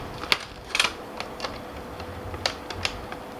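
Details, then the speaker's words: Several sharp clicks as the AC power cord locks into a Philips Respironics BiPAP A40 non-invasive ventilator, matching the white dots; the connector has a locking mechanism. "you're pushing in you can hear creaking sound okay when you get it connected"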